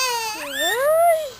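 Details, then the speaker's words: A single short, high-pitched infant cry rising and falling in pitch while the baby is upset and being filmed; infant crying. "Ay grabe umiyak oh makikita nila Grabe ka umiyak oh"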